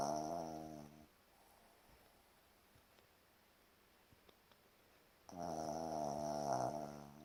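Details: Sleeping dog Casper snoring: two loud, buzzing, tonal snores separated by a quiet pause of about four seconds; snoring.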